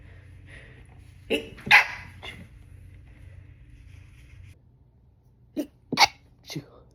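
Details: Six stifled sneezes held back with a closed mouth, in two quick groups of three, recorded in different rooms over a few hours and stitched together, while home alone.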